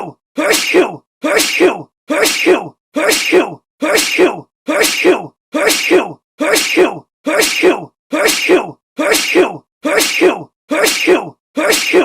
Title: Sneeze sound effect